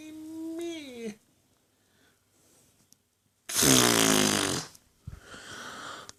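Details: Sleeping adult woman: a toned, falling snort, then a loud harsh rattling snore and a softer noisy breath out, in a quiet room: snoring.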